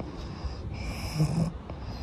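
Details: Pug snoring while sleeping standing up in a swimming pool: a low, rumbling, snorting breath noise over faint background hiss.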